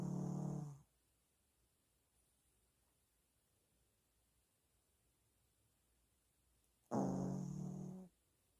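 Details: Dog with heavy snoring that kept the owner awake at night: two long, loud, rumbling snores separated by a quiet pause of about six seconds; heavy snoring while asleep.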